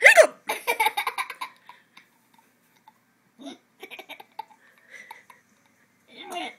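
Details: Brief, abrupt squeaky gulps recur every few seconds from a child, each followed by bursts of giggling as he finds the hiccup noises funny: hiccups.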